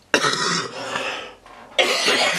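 Two harsh, noisy cough bursts from an adult, the first drawn out and throaty, separated by a brief pause; a persistent cough.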